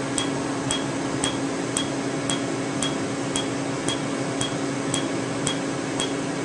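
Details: Sharp regular snapping clicks, about two per second, over a loud machine hum: Q-switched Candela Tri-Vantage laser at 755 nm alexandrite on green ink, with 532 nm YAG planned for red, on a faint tattoo.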